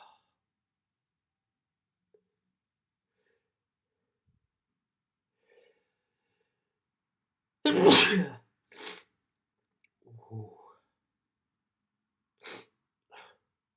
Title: 2021-11-29 Some sneezes and nose blows